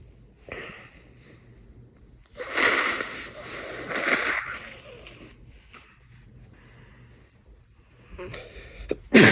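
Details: Two loud sneeze-like bursts with breathy intakes, then quieter breaths and a final sharp burst, from an adult man; a sneezing fit, possibly with a cold.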